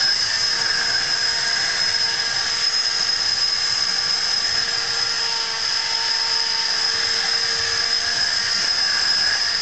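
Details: Oscillating cast cutter cutting away part of a foot/ankle cast to remove a boot, subject wearing sock and guard; steady high-pitched motor whine cutting through casting material.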